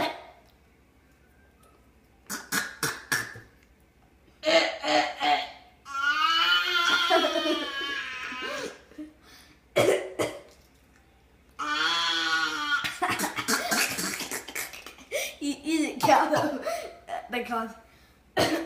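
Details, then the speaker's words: Imitated cough from a young boy: short, forced coughing bursts mixed with drawn-out, voiced, laugh-like sounds. "just do the choking sound again it was a coughing sound too many weird boy noises in this house jax"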